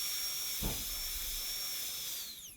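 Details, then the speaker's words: Dental handpiece cutting tooth: steady high-pitched whine of a high-speed drill, winding down at the end, as the gingival bevel is cut and exits to the lingual during gold onlay preparation on tooth #18. "at this point i'm i'm going back and forth and now i'm going to gun it and exit to the lingual"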